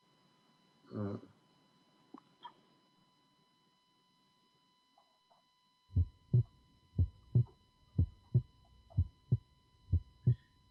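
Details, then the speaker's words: Regular paired heart sounds at about 60 a minute: a low first sound, then a sharper second sound that splits with breathing as pulmonic closure is delayed by increased venous return to the right heart, a normal physiological split of the second heart sound. "the results again of physiological return of blood to the right heart that cause overload and because of the overload delayed of the closure of the pulmonic one"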